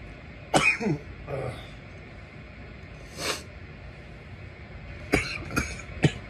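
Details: Irritant coughing while smoking a bong: several short, sharp, dry coughs in irregular bursts after inhaling smoke.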